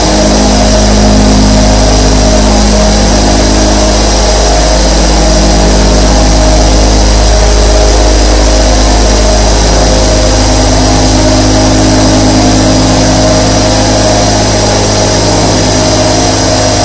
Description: Dive into a world of tranquility with the gentle hum of 24 nebulizers in this immersive sleep experience.